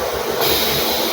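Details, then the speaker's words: XNUO M9 Breath AI oxygen concentrator with a nasal cannula, in pulse mode: a sudden hiss of gas over steady machine noise as it fires a pulse of oxygen when the user inhales. "Jadi saat teman-teman menghisap dia kan nembak. Nah itu tuh."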